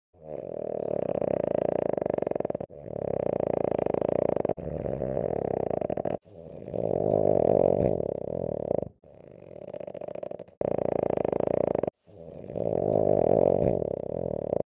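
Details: Sleeping French bulldog–pug mix (frug) gives loud, rumbling, rattling, motor-like snores through long back-to-back breaths with brief pauses, likened to a Harley-Davidson: heavy snoring.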